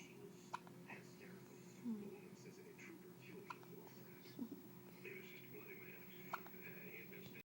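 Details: Repeated hiccups: short, sharp catches every second or two against a steady background hum and soft voices.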